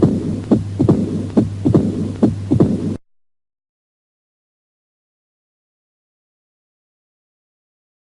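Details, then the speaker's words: Teaching recording of mitral stenosis: heart sounds with a sharp extra sound after the second sound, then a low-pitched diastolic rumble, a mitral stenosis murmur. "what do you hear here oh that's mitro stenosis"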